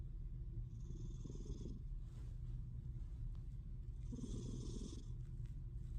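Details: Sleeping female cat snoring lightly: soft, raspy breaths at a slow, steady pace over a constant low rumble.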